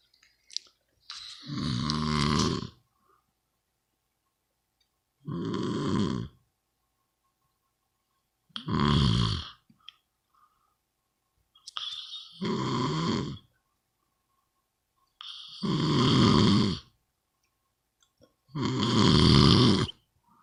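Six loud, rough snores in 20 seconds, about 18 breaths a minute, each lasting one to two seconds with silent pauses between.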